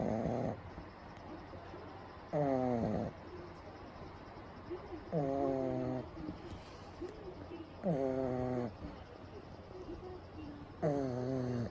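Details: Pug napping with eyes rolled back, recorded close up: loud, rattling, buzzy throaty snores about 22 a minute with quiet gaps; typical flat-faced dog snoring.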